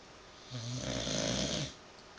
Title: Sleeping/snoring bulldog.